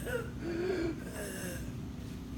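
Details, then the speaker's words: Lecturer's voiced imitation of a wheeze, a brief high, musical, whistling breath sound; wheezes usually expiratory but can be inspiratory, inspiratory wheezing usually asthma, in a lung sounds lecture. "wheezes all right wheezes are heard at usually expiration you can have inspiratory wheezing you can also have expired tori wheezing all right inspiratory wheezing usually is asthma"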